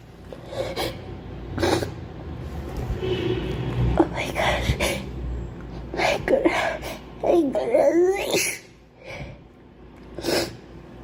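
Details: Girl sneezing: several sudden sneeze bursts amid voices and laughter in a small room; repeated sneezing.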